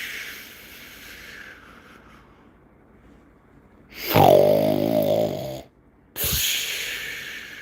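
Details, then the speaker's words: Loud, rattling snore-like inhalation then a shorter burst after a pause, recorded during an ASMR livestream as a sound effect; a deliberately imitated snore by an awake person, not genuine sleep. "It was so funny because I used some snoring of someone else the other day and myself because that was available to be used for that."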